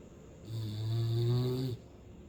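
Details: Hound dog snoring: one long, low, rumbling snore lasting just over a second in a quiet room.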